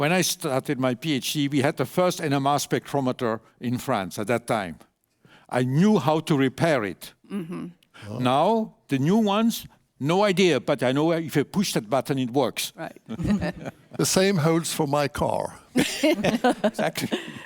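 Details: Adult male speaker; normal speech.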